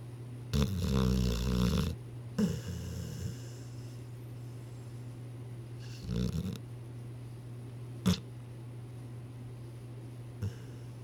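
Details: Sleeping dog, owner wonders if it is dreaming, with rumbling, uneven snores and a few short snorts between quiet stretches: snoring.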